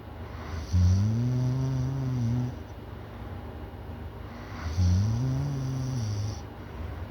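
Two long, loud, low droning snores about four seconds apart, with background hum.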